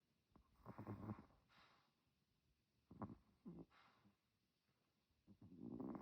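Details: Sleeping chihuahua snoring: quiet, irregular rumbling snores with soft breathing between them.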